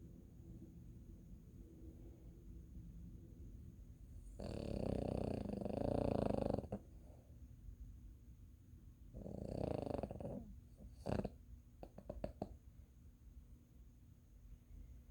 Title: Scout Snoring